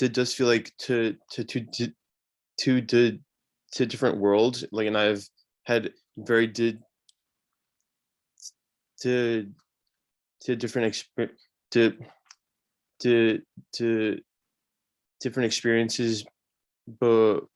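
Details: 26-year-old man who stutters, with marked part-word and word repetitions and blocks; stuttering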